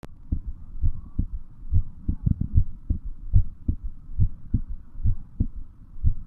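Low, dull thumping heartbeat at roughly 70 beats a minute, in paired beats, with a soft hum underneath.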